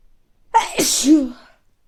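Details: Adult with recurring mild colds, not very stuffy but sneezy: a short inward breath, then a single loud voiced sneeze; sneezing with a common cold.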